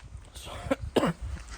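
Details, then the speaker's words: A child ill with flu and off school all week gives two short, harsh coughs outdoors; he reportedly coughs often. "he definitely didn't do that cough on purpose, did he? That's what he's like. He just does it all the time."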